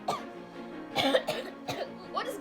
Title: *Cough cough*